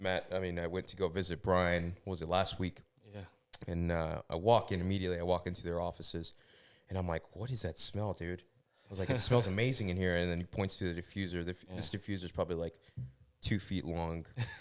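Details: Adult male speaker; no speech disorder.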